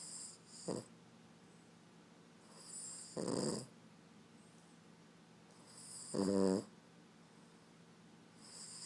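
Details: A Boston Terrier snores loudly enough to wake its owner.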